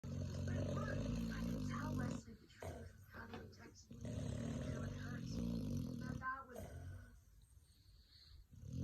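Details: Pit bull dog asleep: long, low, rumbling snores on the in-breath, two separated by a quiet pause, before the owner tries to wake him; snoring.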